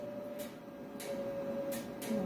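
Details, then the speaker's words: Monopolar electrosurgical unit (Bovie) handpiece, blue button, low-power coagulation mode: steady low-pitched activation tone with brief hiss bursts, lower than the higher-pitched yellow cutting mode; electrosurgical coagulation mode tone. "파란 색깔 소리가 다르죠 고출력이라 더 자르는 효과가 나오는 거고 이제 파란색의 저출력이기 때문에 코하글레이션 시키는 효과가 있어요"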